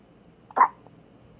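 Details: A single short, abrupt hiccup against quiet background noise, on day 1 of hiccups.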